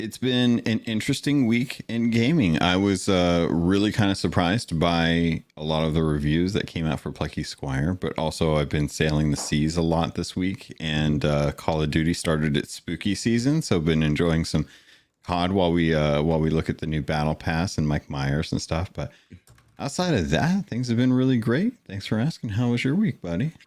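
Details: Adult male speaker; normal speech.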